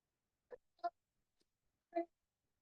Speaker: Croup, it is a barking cough, hoarseness of voice, and respiratory stridor, and usually is coming with low-grade fever and symptom worse at night, but improve during sleep.